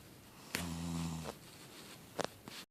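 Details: Woman snoring while sitting in a deer-hunting stand at 27 degrees: one low, buzzing snore under a second, then quiet breathing and a few faint clicks; ordinary snoring.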